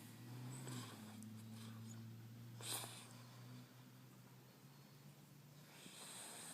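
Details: Man asleep: low, steady rumbling and snorting breath noise with a brief louder snort. Snoring.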